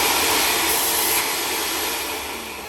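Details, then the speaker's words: Dental vacuum former pulling heated .060 clear retainer material down over a model trimmed on the lingual and facial sides: a loud, steady rushing roar that eases slightly toward the end. "it's going to pull towards it so it wants to pull in the lingual and the facial so it all just sucks down evenly"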